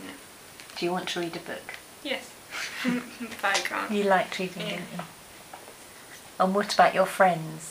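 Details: Adult interviewer with brief replies from a second speaker; no speech disorder.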